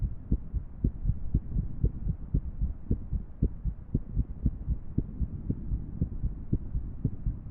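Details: Heart sounds of a female with an irregular rhythm: low muffled beats around 115 a minute, unevenly spaced, under a steady background hum, presented with a 3D heart model animation.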